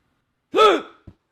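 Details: A man with ongoing hiccups while talking: a single sharp voiced gasp with a quick catch afterward, a hiccup.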